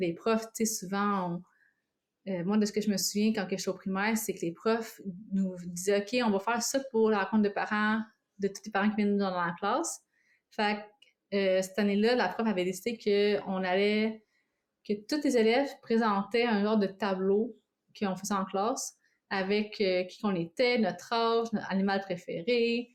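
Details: Adult woman who lives with both stuttering and cluttering, which she describes as fast speech with words mixed up and swallowed: cluttering with stuttering.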